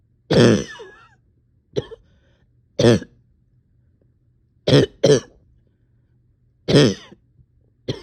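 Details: About seven harsh, forceful coughs in quick succession, some in close pairs, in a quiet room, from an exhausted person reporting on-and-off chest and stomach pain.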